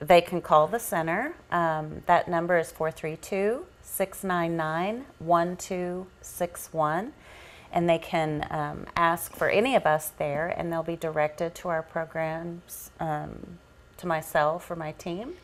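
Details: Adult woman speaking; Normal speech.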